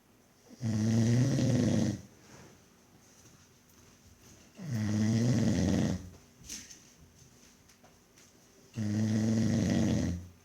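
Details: Adult man snoring: loud, rattling, low-pitched snores on each breath in, about 15 a minute, with quiet pauses between.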